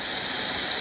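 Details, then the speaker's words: Plasma pen spray mode, first step over a woman's numbed neck removing the superficial skin layer for lax-skin tightening: steady loud sweeping hiss. "And now I'm doing the first step, which is called a spray. So we're going to get rid of that most superficial layer of her skin by doing this all over her neck."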